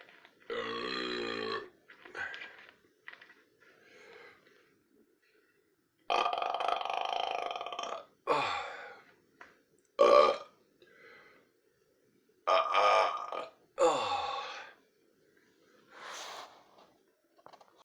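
Several loud, drawn-out voiced belches separated by pauses; repeated burping.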